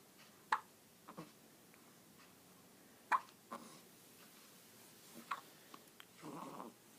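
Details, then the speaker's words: Infant's soft, sharp hiccups at irregular intervals, about five in seven seconds, with faint breathing in a quiet room; baby had vomited earlier that day; hiccups. "he threw up on his first one peed and threw up on a second one and now we're on the third one but now he has the hicup since it's really"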